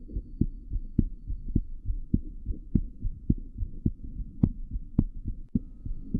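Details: Steady, regular child heartbeat at about 105 beats a minute with a faint hum behind it; pediatric heart sounds.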